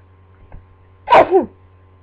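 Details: Person just woken from a nap sneezes into a pillow, possibly at the start of a cold: a single sharp, slightly muffled sneeze over a low steady room hum.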